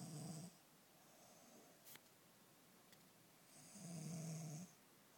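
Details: Snoring from a woman who says she never snores: two low, buzzing snores on the in-breath about four seconds apart, with quiet breathing between them in a still room.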